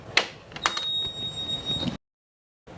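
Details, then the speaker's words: GE Datex-Ohmeda Aespire View anaesthetic machine in an intensive care unit, plugged in and switched on: a few mechanical clicks, then a steady high-pitched start-up tone before it runs its own digital self-checks; anaesthetic machine start-up. "you turn the machine on it will go through its own digital checks"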